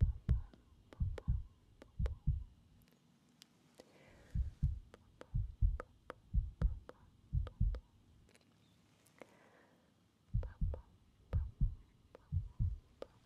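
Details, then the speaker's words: Real heartbeat in an ASMR video: steady paired low heart thumps through a stethoscope at about 65 a minute, with short quiet gaps; normal heartbeat. "We're going to do some stuff with the stethoscope. So, I'm going to listen to your heart."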